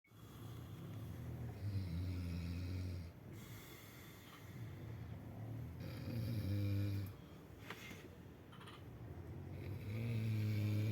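Loud, deep, rumbling snores on each breath, around 15 a minute, with rough in-and-out airflow noise. Heavy snoring.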